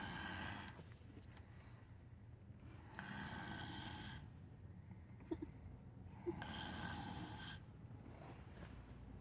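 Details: Snoring.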